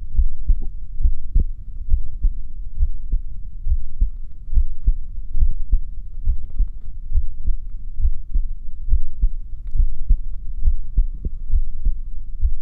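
Steady, muffled heartbeat at about 68 beats a minute with a regular rhythm.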